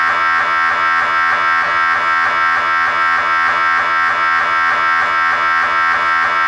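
Loud steady electronic buzzing with fast, regular knocking pulses, the typical sound of an MRI scanner running a sequence.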